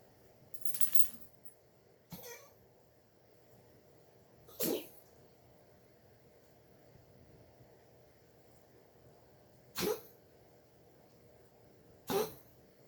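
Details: Cat coughing, recorded June 1, 2021 at 8:08 am: five short, sharp, hacking bursts separated by quiet pauses; cough.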